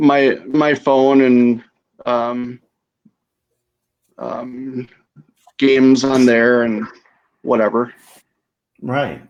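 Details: Aphasia after stroke in a female stroke survivor.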